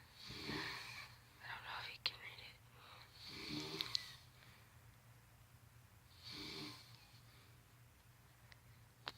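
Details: An adult man asleep snoring, as he usually does: three soft, airy snores on breathing in, about three seconds apart, with faint room noise between them; snoring.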